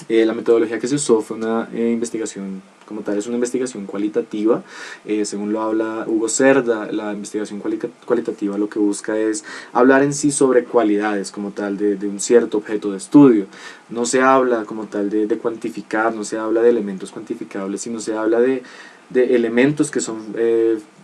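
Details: Adult male speaker; typical adult speech.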